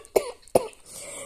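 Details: Dry cough from an adult with asthma and a history of bronchitis; chest X-ray was clear, cough attributed to asthma rather than infection.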